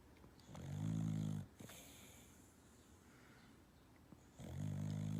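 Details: Puppy napping: two low, rumbling snores about three seconds apart with quiet breathing between; ordinary dog snoring.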